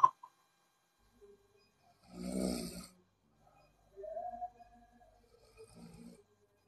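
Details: Person snoring while asleep: a single loud rattling snore on an in-breath, followed by softer throaty breathing sounds.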